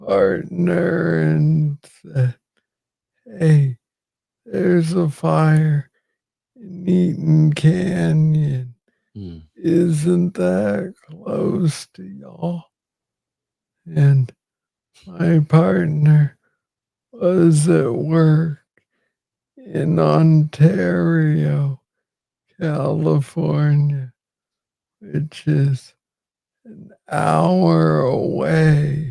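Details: Man with Parkinson's disease, diagnosed in 2014 at age 35 after it was first misread as tennis elbow; real conversational speech with slow rate and long pauses; Parkinsonian speech.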